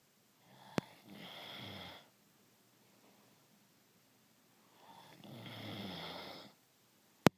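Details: A sleeping dog snoring: two slow, rasping, rattling inhalations about four seconds apart, with quiet between them.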